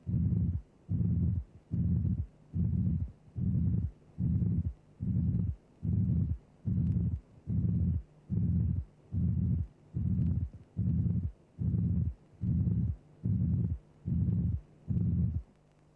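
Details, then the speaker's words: Simulated flat, long pansystolic murmur at about 73 beats a minute, obscuring the first and second sounds, followed by a gap and a pathological third heart sound, often mistaken for the second sound. "so remember when you hear a flat pan systolic murmur followed by a gap and then a heart sound the hard sound you hear will be a third heart sound"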